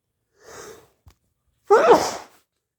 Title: powerful and wet price tag sneezes